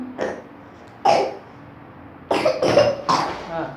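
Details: A young child, sleepy but singing, gives a few short coughs run together with the singing; cough.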